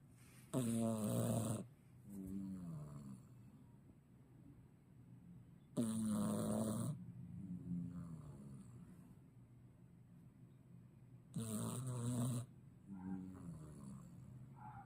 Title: Does your cat snore like this too? 😹